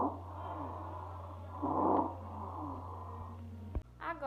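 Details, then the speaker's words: Stridor, an example from a lung auscultation lesson: harsh, continuous noisy breathing with a louder inspiratory surge, from obstruction of the larynx or trachea, e.g. laryngitis, epiglottitis or a foreign body. "o estridor que será o primeiro que eu irei colocar acontece por uma obstrução na laringe ou na traqueia exemplo uma laringite"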